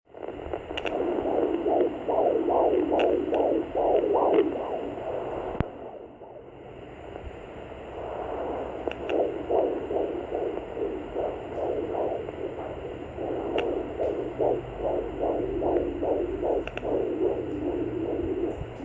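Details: Rapid, regular galloping fetal heartbeat at 20 weeks' gestation on a Sonoline B fetal Doppler, about 140–150 a minute, briefly interrupted by fetal movement noise.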